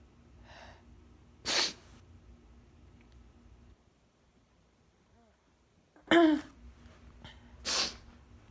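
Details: Three sharp, explosive sneezes in quick succession with quiet breaths between; an intense sneezing fit in an adult, who suspects a new allergy, possibly to dust.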